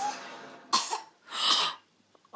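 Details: A 5-month-old infant babbling and coughing: two small coughs, one sharp and brief, then a longer, breathier one.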